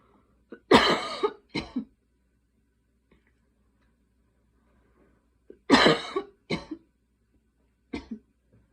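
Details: Night coughing fit at 12:30 am while unable to fall asleep: repeated harsh coughs in three bursts, about eight coughs in all, separated by quiet pauses.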